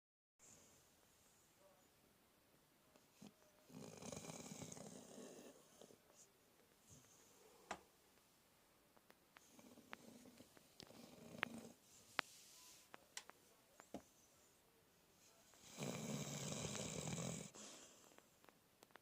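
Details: Sleeping dog snoring: soft, irregular rasping breaths with a few louder snoring bursts in a quiet room, with scattered small clicks.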